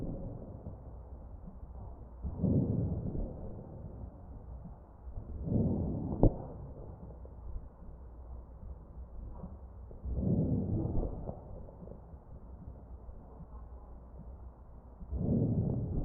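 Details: Crackles heard over the chest of a real mechanically ventilated patient, recorded with an electronic stethoscope.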